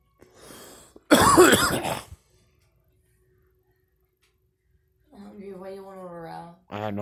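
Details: Girl gives a soft throat sound, then one harsh explosive cough, silence, and a brief voiced sound afterward; cough.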